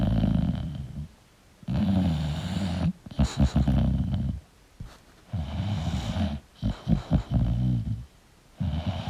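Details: Sleeping English Bulldog snoring: loud, low rattling snores of about three long breaths, with brief snorting bursts between them; snoring.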